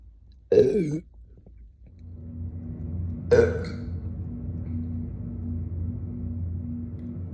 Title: Deep Burping Montage